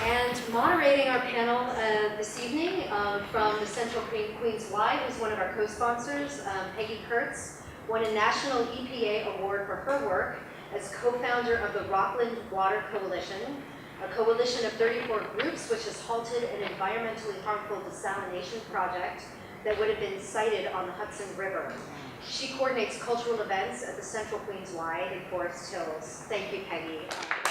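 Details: Adult woman speaking; normal voice.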